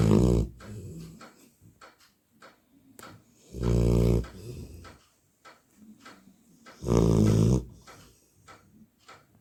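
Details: Loud, rumbling snores from a sleeping Labrador puppy, about three in ten seconds, with quieter breathing in between; canine snoring likened to a human's.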